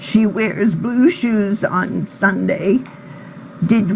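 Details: Patient voice sample reading standard sentences; spasmodic dysphonia (spasmodic dystonia) with vocal tremor.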